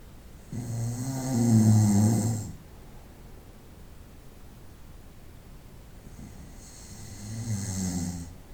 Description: 25 minutos de ronquidos durante la noche. 25 minutes of snoring at night.